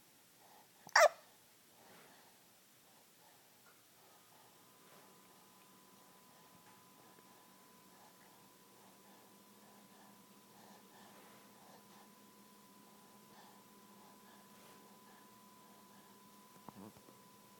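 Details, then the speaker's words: Hiccups during sleep: one sharp, sudden hiccup, then a long quiet stretch with a steady faint hum, and a softer second hiccup near the end. "survived the hiccups."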